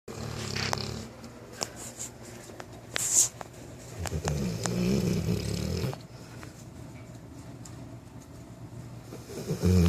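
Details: 9-month-old Newfoundland puppy snoring while napping: low rumbling snore sounds in breathing cycles, with some clicks and room noise; snoring.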